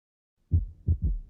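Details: Normal heart sounds for ear training: low, dull beats with clear first and second sounds.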